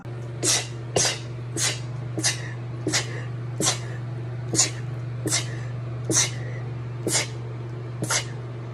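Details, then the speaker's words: A girl has a rapid fit of about ten short, sharp sneezes, roughly one per second, over a steady low hum. "hello i'm trying to get myself to sneeze look at how my nose isn't working my eyes are watering but i'm not sneezing"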